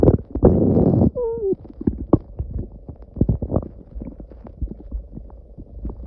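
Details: Loud gurgling and squeaky rumbling, then a run of irregular bubbly pops; normal stomach and bowel growling (borborygmi).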